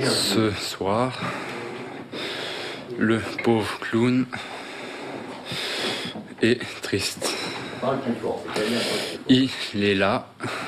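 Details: Young man, French-speaking, with severe stuttering since age 4, struggling with every word including single syllables, attending a 3-day anti-stuttering course; stuttering.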